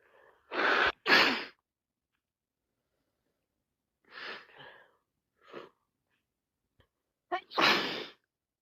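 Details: Person with a wet head cold: two sharp sneezes, then a few soft sniffs and breaths, and a third sneeze in a quiet room; more sneezing follows after about three minutes.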